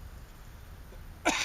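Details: Coughing from a person smoking cannabis outdoors while walking a dog on a sunny day.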